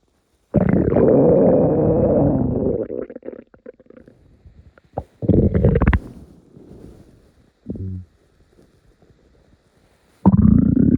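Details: Morning stomach rumbles: long, low gurgling rumbles with squeaky bubbling bursts and quiet gaps; ordinary borborygmi.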